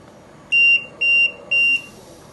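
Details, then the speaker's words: LTV 1200 ventilator alarm: three loud high-pitched beeps, triggered by a disconnected pressure line. "All these alarms are happening at the same time, and you won't be able to clear it out because this patient is not ventilating."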